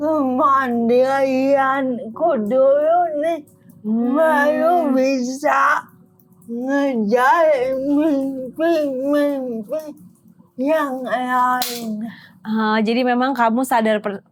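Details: Adult woman with cerebral palsy limiting gross and fine motor skills; dysarthria (cerebral palsy).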